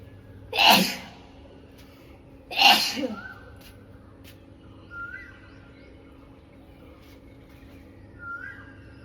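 Two sharp sneezes about two seconds apart, then quiet sniffs over steady background noise.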